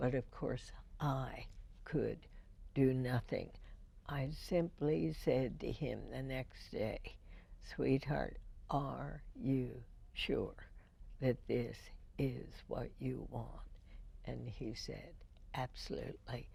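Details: Woman with spasmodic dysphonia, diagnosed in 1998, treated every four months with botulinum toxin injections into the vocal cords; speech with deliberate pacing; spasmodic dysphonia.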